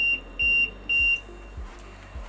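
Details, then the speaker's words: Repeated high, steady electronic beeps in a short pattern, then quiet: an LTV-1000 transport ventilator disconnect alarm on a simulated circuit disconnection that stops once the circuit is reconnected. "so if we can simulate this by disconnecting we can see a disconnection or the sensory alarm is now flashing on screen"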